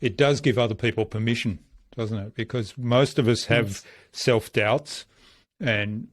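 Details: Adult man speaking; normal speech.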